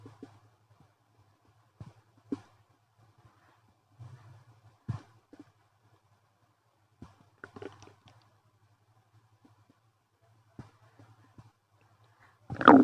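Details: Unusually loud, active stomach noises after eating a chicken-nugget wrap with sauces and milk tea; bowel sounds (borborygmi).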